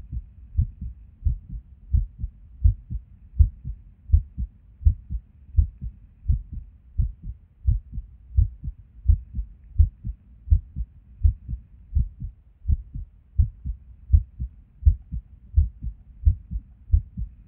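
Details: Resting heartbeat recorded at Erb's point while sitting at a desk: low thumps about 80 a minute, uneven spacing and occasional pauses; irregular rhythm with skipped beats.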